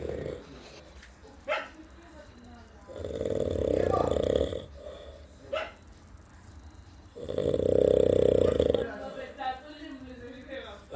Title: drunk so hard..#snoring